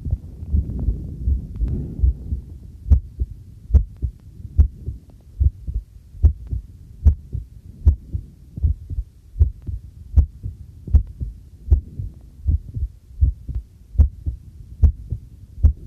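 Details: Own normal heartbeat recorded with a homemade field stethoscope microphone during housework: soft low thumping about 73 per minute, with running tap water and clinking dishes behind.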